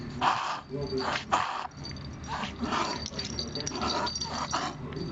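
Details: Shih Tzu dog with repeated harsh, snorting inhaled bursts typical of a reverse sneezing episode.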